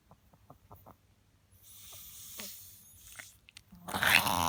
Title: Chelsey our Chihuahua reverse sneezing